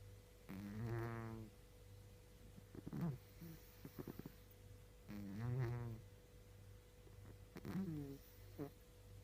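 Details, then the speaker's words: Pet snoring while asleep: irregular wheezy, whistling breath sounds and soft snorts roughly every few seconds. "Russi, muccia. Eh? Cosa stai facendo? Stai russando?"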